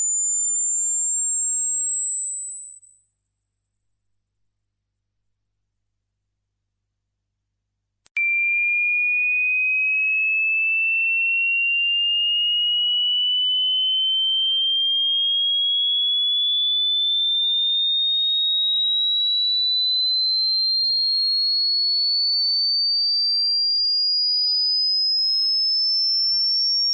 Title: Human tinnitus sound effect